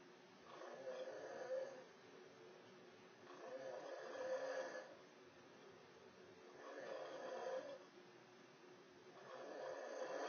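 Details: Very loud, steady, rough snoring on each breath, about 20 breaths a minute, with quiet pauses between; ordinary snoring.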